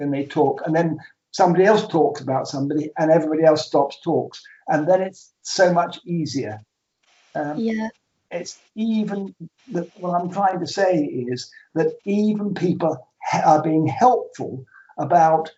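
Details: Aphasia in a man after two strokes, with trouble naming things and starting conversations; numbers come out back to front.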